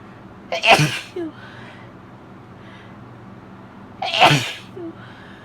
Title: Hitching Hayfever Sneezes (F)